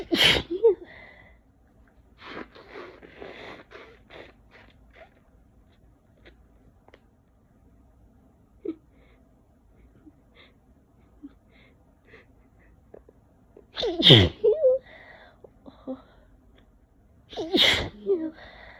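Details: Adult with a head cold in June gives three forceful, wet sneezes separated by quiet sniffs and breaths; messy cold sneezing.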